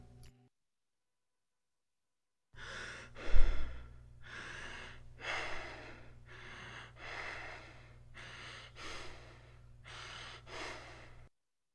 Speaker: it's similar to tachypnea but it differs because it has long tidal waves so it's maximum inhalation followed by maximum exhalation but at a very rapid rate